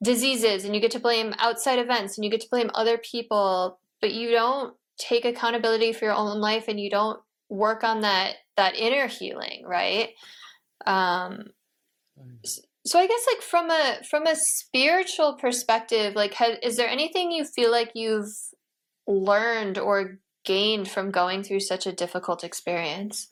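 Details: Adult speakers in conversation, likely two voices; normal speech.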